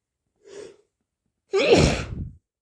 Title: hayfever sneezes 🤧